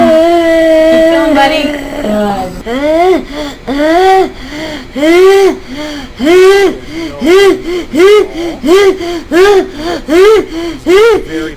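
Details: Older boy seen in a pediatric voice clinic with unilateral vocal fold paralysis; he compensates with the right vocal cord but cannot achieve glottic closure and cannot talk for long; breathy voice.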